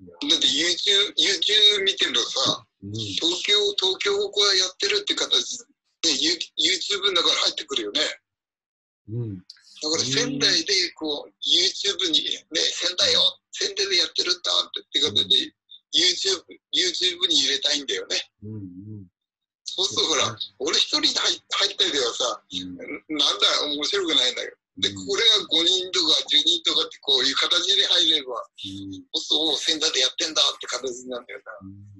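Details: Aphasia present about three years, man, speaking in an online video-call group session for people with aphasia.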